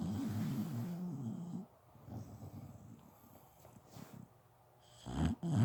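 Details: A sleeping dog snoring through the night: low, rattling snore sounds on breathing, a few cycles with quiet pauses between.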